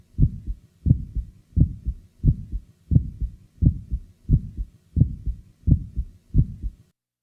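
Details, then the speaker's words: Aortic ejection sound in a patient with mild aortic stenosis: regular heartbeat about 87 a minute with a crisp high-frequency click just after the first sound. "both aortic and Pulmonary ejection sounds are heard best with the diaphragm firmly pressed"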